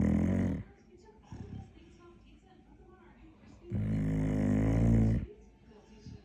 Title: TikTok dog. Каплер сладко храпит .BED time snoring.